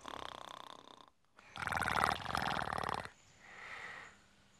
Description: leads a chorus of all the loudest snorers in the camp, which Laila finds quite impressive